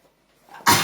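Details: Elderly mother during breakfast: a brief indrawn breath builds up, then breaks into one sharp, loud, hissing sneeze burst.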